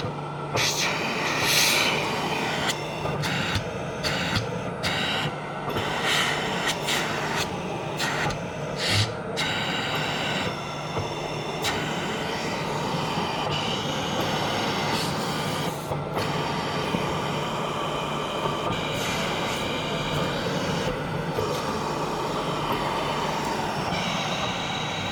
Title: Used Omnia Health Comfort Cough Mechanical In-ExSufflator